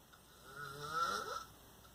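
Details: Adult man, a father, asleep in a dark room at night, snoring: a single rattling, rising snore on a breath in, about a second long, in a quiet room.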